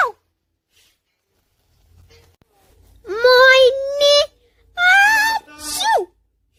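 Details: Sick child's sneeze: a drawn-out, high-pitched voiced 'aah' build-up, then a sharp noisy burst with a falling cry-like tail.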